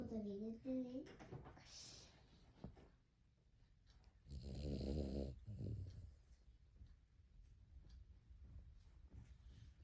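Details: A small Cavalier King Charles Spaniel dog gives a loud, rough, rattling snore with a shorter follow-up in a quiet room, after a brief voice: snoring.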